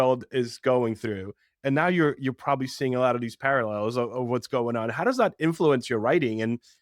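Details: Adult male speaker; Normal speech.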